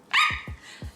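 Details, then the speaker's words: Young woman with Tourette syndrome: a single sharp, dog-like bark, an involuntary vocal tic she describes as barking like a dog. "ticks can be anything from blinking your eyes really hard to scrunching your nose to jerking your arms back to tensing your muscles to barking like a dog which I do to repeating different words and phrases honestly the list is endless"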